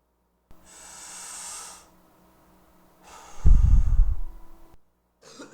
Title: have you a cough?